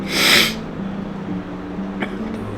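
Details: Person down with a cold and cough, blocked nose and some tightness: a single loud, explosive sneeze, then quiet breathing over a low steady hum of room noise.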